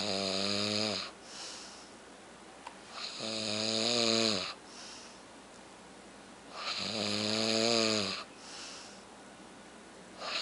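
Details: Man snoring heavily: loud, tonal, rattling snores on each breath in, about 17 a minute, with quieter breaths out between them.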